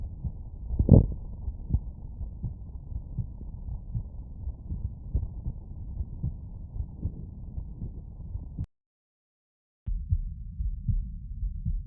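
Soft, regular low thumps of a heartbeat come through a stethoscope, with a steady rhythm against a muffled rumbling background and a brief silent break near the end. These are normal heart sounds with no added noises.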